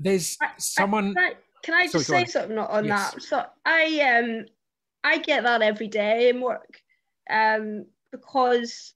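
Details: Real stammering (stuttering) in an adult woman who stammers; she says her stammer comes out particularly when interviewing on camera.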